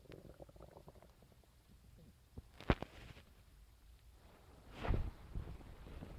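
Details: Stomach sounds on waking in the morning, recorded with a phone: low gurgles and rumbling groans with quiet stretches between; ordinary stomach growling.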